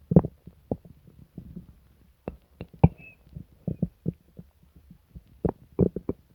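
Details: Irregular deep growls and short squelching pops in a quiet room from a person sick to the stomach for several days with pain, diarrhea and nausea; borborygmi (stomach rumbling).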